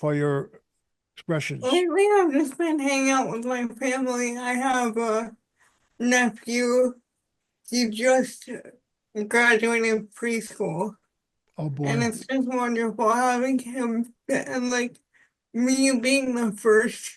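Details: Adult woman with spastic quadriplegic cerebral palsy since birth, with high muscle tone in all four limbs; speech is harder to understand and voice assistants do not recognize it well; dysarthria (spastic, cerebral palsy).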